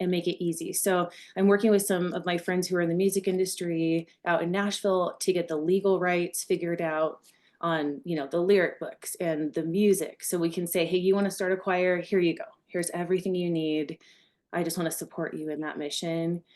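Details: Adult woman; Normal speech.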